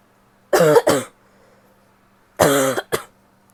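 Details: Two bouts of harsh coughing from a female, each a strong burst followed by a shorter one, with a coarse, barky quality and some wetness.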